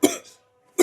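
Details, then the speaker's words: Cough while eating a very spicy Jolo chip, with throat clearing, watery eyes and shaking hands: a single sharp, harsh cough, then a pause and the start of a second; irritant cough. "దగ్గు వస్తుంది [గొంతు సవరించుకోవడం] sound వినండి friends"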